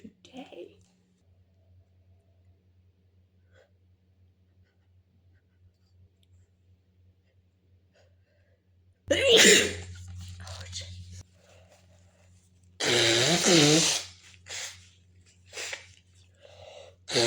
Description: A student sneezes during class, and it's really loud. In a quiet class, the sneeze seems as loud as a bomb going off!